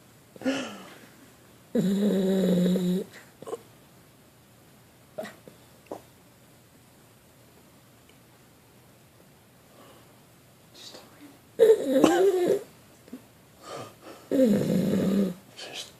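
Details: Dog sleeping sunk into a couch: loud, rough snorts and buzzing breaths with quiet gaps between them, snoring, and seemingly trying to bark in her sleep.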